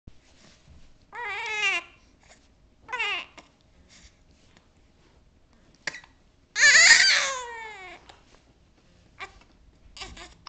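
Infant fussing cries and babbling, with a few brief, sharp catch sounds between them, consistent with hiccups.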